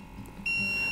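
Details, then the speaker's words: Nisus negative pressure wound therapy device, training demonstration: low room hum, then a steady high-pitched electronic tone starts as the leak icon and troubleshooting menu appear; NPWT pump leak alarm. "device is alarming leaked at this point you have an icon in the top left hand corner it also notifies you leak alarm mute yes or no"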